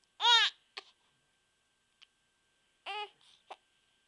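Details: Infant with recurring hiccups: short, sudden voiced catches a few seconds apart, with brief fussy whimpers between them as the baby gets upset.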